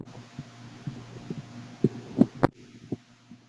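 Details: Baby's heartbeat recorded in a clip about baby hiccups: regular soft thumps at about 130 per minute under a low hum, with a few louder knocks; a rapid heartbeat.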